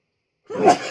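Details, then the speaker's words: A single abrupt, explosive sneeze after silence, triggered by pepper dust from a freeze-dried 7-Pot Primo pepper ice cream sandwich during a hot-pepper eating challenge; the sneezing recurs repeatedly. "the dust call you to sneeze all the time"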